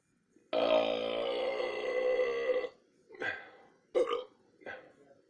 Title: Burping no 2